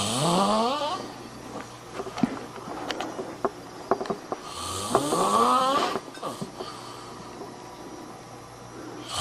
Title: The Funniest Snoring You Have Ever Seen